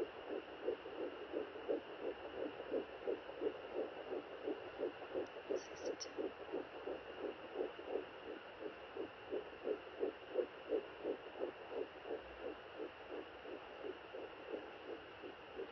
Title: April 3,2015 Sonoline B Fetal Doppler